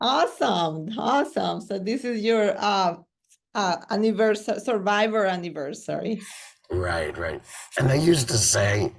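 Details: Adult speakers in conversation; ordinary speech.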